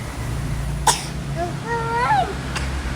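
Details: Young child (baby) coughing: a single short, sharp cough, then a brief high-pitched vocal sound and a faint second burst, over steady low room hum.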